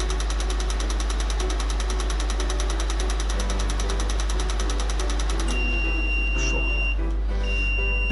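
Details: Otoflash G171 nitrogen-fillable dental light-curing unit post-curing 3D-printed parts: rapid, steady clicking of repeated flash-lamp flashes over a loud, low hum, with beeps near the end.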